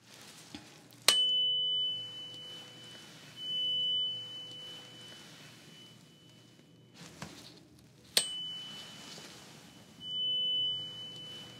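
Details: Tuning fork tone: a struck tuning fork rings with a pure, steady high tone that slowly fades, struck twice, during a role-played Arabic ASMR doctor hearing test.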